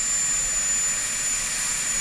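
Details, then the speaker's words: Dental high-speed handpiece cutting a canine preparation for a porcelain-fused-to-metal crown, blending the chamfer with the shoulder, burr end kept at the margin: steady high-pitched whine, running continuously. "Okay, so I'm trying to blend the chamfer together while I'm getting rid of the ski jump with the shoulder. And again, the end of the burr should be at the margin all the time."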